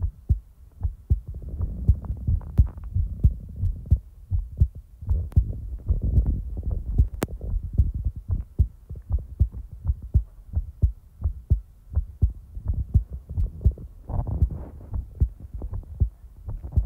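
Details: Real-time heartbeat ASMR recording: steady, regular, low heart thumps at a resting rate of roughly 70 beats a minute; a normal heartbeat.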